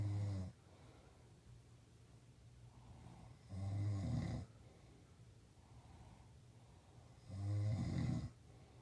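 Deep, low, rumbling snores roughly every 3.5 seconds, about 16 a minute, with quiet pauses between; regular adult snoring.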